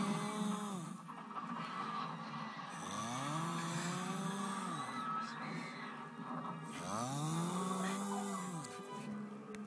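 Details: Loud, rough, rumbling heavy snoring with long drawn breaths lasting a few seconds each; snoring compared to a chainsaw or a bear.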